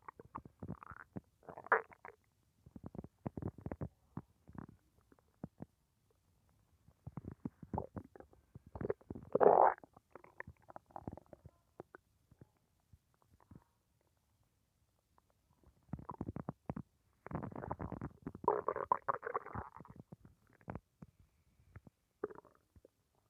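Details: Human abdomen digesting a lunch of rice, beans, pork and chicken, rumbling felt by hand: bursts of gurgling and rumbling, normal bowel sounds of digestion after a meal.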